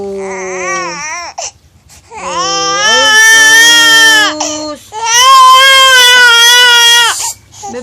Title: Long baby crying